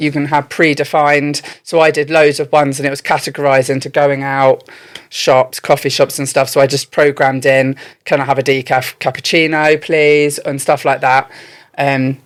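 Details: Adult speaker; ordinary speech.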